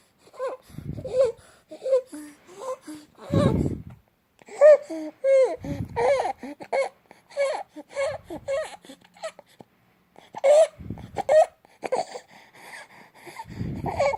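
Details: 2-month-old infant with stridor present since birth fusses and whimpers, with harsh, noisy, high-pitched breathing between cries; stridor.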